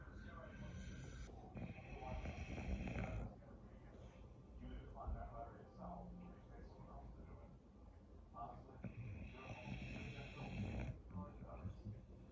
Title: Snoring POV #bulldog #dog #nyc